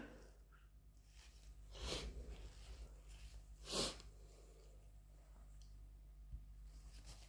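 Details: Induced sneezes: two forceful sneezes a couple of seconds apart, with sniffing and breathing between them in a quiet room.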